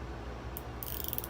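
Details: Brief run of small mechanical clicks as a nurse demonstrates a fertility-drug pen for egg freezing, pinched skin, needle straight in, plunger pushed until dial returns to zero; injection pen dose clicks.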